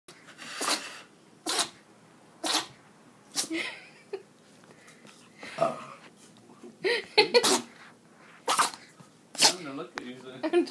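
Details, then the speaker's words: 10-week-old puppy, after sleeping half an hour, with a fit of about ten short, sharp sneezes in quick succession; owner wonders about allergies; repeated sneezing. "are you sneezing what happened to you what happened what happened tiger do you have allergies what's wrong"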